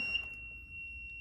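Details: LTV-1200 portable ventilator: steady high-pitched continuous electronic alarm tone as it is switched off before connection to a patient.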